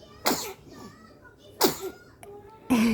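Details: Five-month-old baby sneezing three times in a row: short, sharp bursts of air about a second apart, each with a faint high vocal tail, in a quiet room.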